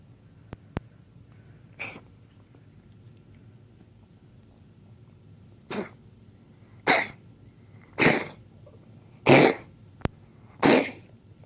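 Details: Cough in a cat: a run of short, harsh, dry cough bursts, about six in roughly nine seconds.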